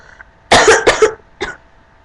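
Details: Three quick harsh coughs, then one more, from a young person who is sick with a sore throat; a cough during illness.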